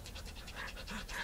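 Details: Excited Shiba Inu x Havanese mixed-breed puppy, born September 2010, breathing very hard; rapid, shallow, rhythmic panting about six to seven breaths a second.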